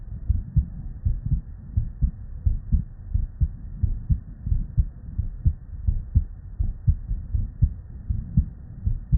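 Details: Real, unedited human heart sounds recorded at the bedside from a patient with normal cardiac physiology: steady lub-dub at about 85/min, crisp first and second sounds with quiet gaps; normal heart sounds.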